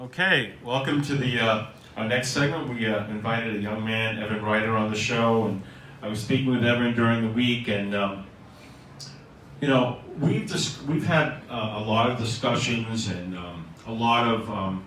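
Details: Adult male host; normal adult male speech.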